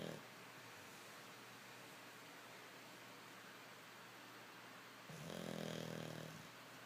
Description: Snoring English Bulldog